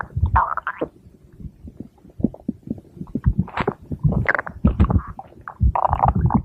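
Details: Girl (sister) with stomach growling: bubbling, gurgling rumbles and squeaky gut noises in quick succession; borborygmi.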